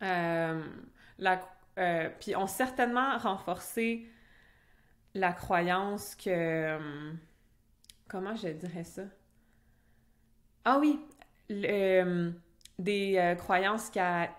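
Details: Adult French-speaking (Québec) woman who stutters, in conversational speech; real stuttering.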